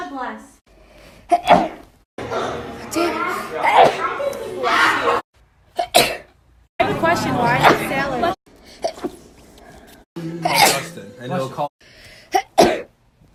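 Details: Several loud, explosive sneezes with sharp bursts and short gasps in between; repeated ordinary sneezing.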